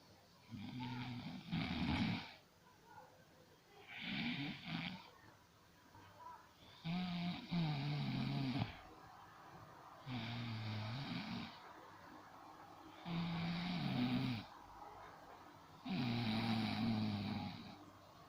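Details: Loud snoring in sleep: rough snores on each breath in, about six in 18 seconds, quiet breathing out between.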